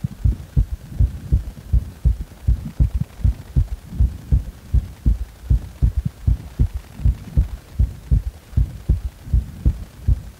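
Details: Heart sounds after compression, with three sounds per beat: a muffled, regular heartbeat at about 80 a minute, with an extra third sound in each beat giving a triple rhythm.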